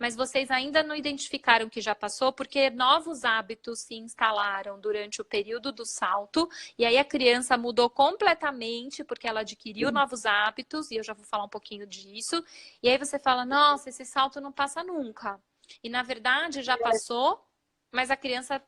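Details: Adult woman speaking Portuguese; normal speech.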